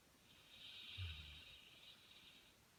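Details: A pet dog sound asleep and snoring.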